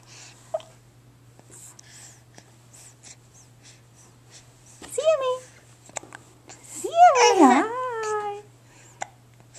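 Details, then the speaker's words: Infant boy with hiccups: soft, brief clicking catches recurring irregularly in a quiet room, with two short voiced sounds midway. "tell me tell me oh those hiccups their pesky aren't they do pesky"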